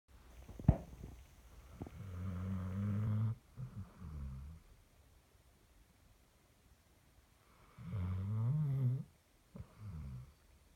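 Low, fluttering snores on the in-breath with softer puffing out-breaths, about six breaths a minute; a dog snoring while asleep.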